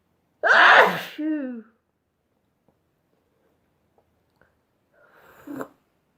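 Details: One loud, explosive sneeze with a voiced tail, followed by quiet and a softer breathy sound; a sneeze from a sneezing compilation.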